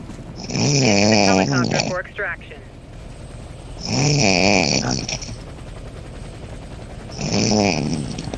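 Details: Loud, wavering snores about every three seconds with a whistling edge, from a friend who fell asleep on a voice chat; snoring.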